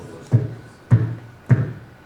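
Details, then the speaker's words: Loud A2 (accentuated aortic component of S2): imitated heart sounds with forceful low thumps at a steady rhythm, illustrating how raised aortic pressure in systemic hypertension makes the aortic valve close forcefully. "आवाज सुनाई देंगे ना क्या कहेंगे loud a2"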